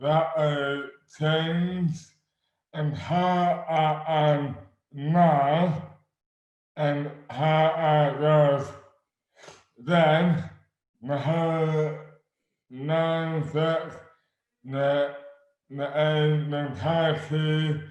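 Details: Adult man with dystonia causing dysarthria (oromandibular dystonia); speech became slurred suddenly overnight in May 2008 without known cause, about 12 years before this 2020 recording; speech is severely impaired and his hands are also affected.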